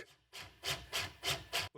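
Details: Corpuls cpr mechanical CPR device during a function test, with the locking lever closed and therapy started: rhythmic rasping strokes, about 100 a minute, running its cycle without alarms or error messages.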